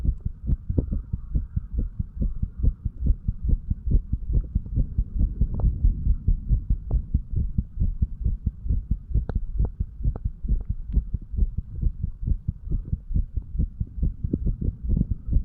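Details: Heartbeat of a 35-year-old male while sick, recorded over the tricuspid then mitral valve areas: rapid low throbbing beats, roughly 140 a minute, over a muffled hum; fast heartbeat.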